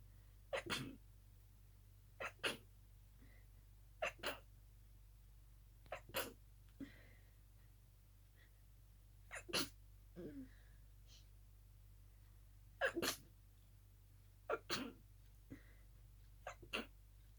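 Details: Night-time fit of about ten muffled, held-back sneezes, often in quick pairs, each a brief sharp puff with little voice; stifled sneezing fit.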